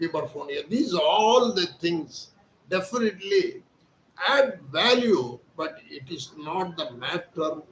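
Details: Adult man, Hindi speaker, voice thin since childhood; surgery advised elsewhere, instead receiving voice therapy exercises, 4 days into treatment and reporting improvement: puberphonia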